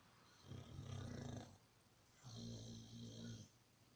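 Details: Two long, low rumbling snores with a breathy hiss, a few seconds apart, from a sleeping pit bull in a quiet room; snoring.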